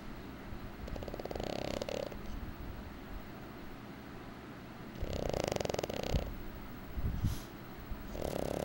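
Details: Cartoon snoring sound effect (SamSam Snore Monster): rhythmic, rumbling inhaled snores, three in about nine seconds, over a noisy background.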